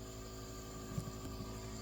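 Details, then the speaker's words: Nebulizer compressor turned on during inhaled medication via ventilator circuit, spliced between MDI adapter and exhalation valve, about 5 mL with residual albuterol: steady loud mechanical hum, constant drone. "In other words, turn the machine on before you interrupt it. Otherwise, your medicine's going to go out the other way. So you turn the machine on, it's going to get loud."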